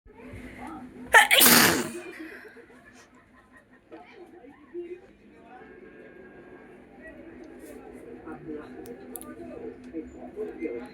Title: Nose sneezing challenge video